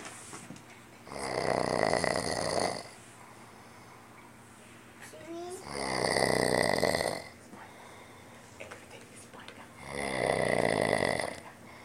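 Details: Man who had just claimed he does not snore: three loud, rattling snores about four seconds apart with quiet pauses between, roughly 15 breaths a minute; snoring.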